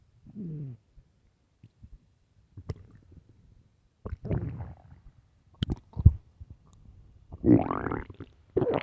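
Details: Irregular low gurgling and rumbling bursts separated by quiet gaps, recorded late at night; ordinary stomach growling from gas and fluid moving through the gut (borborygmi).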